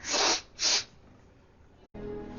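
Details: Two quick hissing sneeze-like bursts, then soft background music: an acted sneeze from a Russian TV drama scene, not a real patient.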